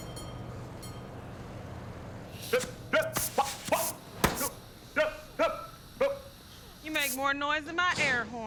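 Repeated sharp barking and yelping noises in short bursts from a man, acted in a drama; vocal tics of Tourette syndrome.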